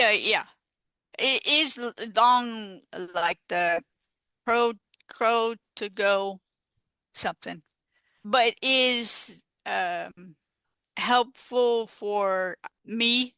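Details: Female stroke survivor living with post-stroke aphasia, a real patient speaking in an interview; aphasia.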